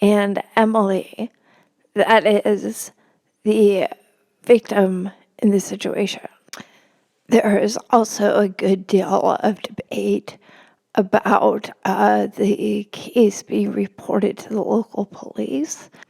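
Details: Adult woman, a religion reporter, with spasmodic dysphonia, which she notes can make her sound nervous though she is not; spasmodic dysphonia.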